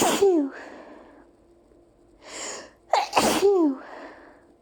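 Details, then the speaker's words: Allergy sneezing fit after opening windows on a hot summer day, with a nonstop nasal tickle for two minutes: two forceful sneezes, each an explosive burst with a trailing voiced sound, with a short inhale between them. "Oh my god. I'm not done. I still have to sneeze. There's more. No, I still have to sneeze."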